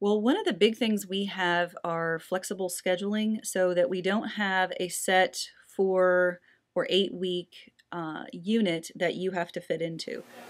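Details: Adult woman speaking; Normal speech.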